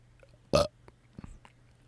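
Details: Adult man deliberately burping for ASMR while recording in a closet: a single short burp over faint background hum, then a soft mouth noise; burping.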